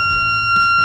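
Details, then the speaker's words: Steady high electronic alert tone as a corpuls3 defibrillator charges during a simulated CPR field-response demonstration, signalling shock readiness. "그리고 게이지 모드를 활성화시켜서 충전되기 시작했구요"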